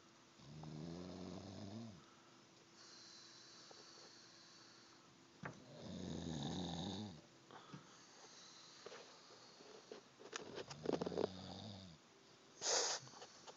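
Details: Two or three rough, rattling snores on breathing in, with quieter breaths between them and some room noise: snoring.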